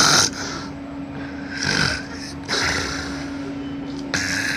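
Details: Infant snoring: rough, rattling snores with each breath over a steady background hum.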